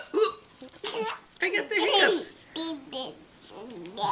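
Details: Child reciting the ABCs at bedtime, interrupted by sudden hiccup catches and some giggling; hiccups.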